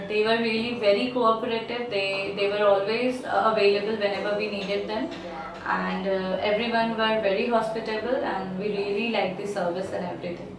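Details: Adult woman speaking; Plain speech.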